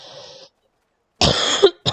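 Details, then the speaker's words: An adult recovering from COVID, now testing negative, has a lingering cough that worsens with prolonged talking: one loud, harsh cough burst, with a second starting at the end; post-COVID cough. "ut the cough's still there and I hear it lasts a while so forgive me if I start going onto random coughing fits or if I get start talking less because the longer I talk the more I tend to cough"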